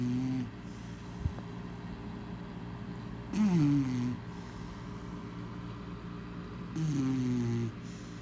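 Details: Female chow chow dog asleep, giving two long, tonal, whistling snores a few seconds apart, about one breath every three seconds: dog snoring.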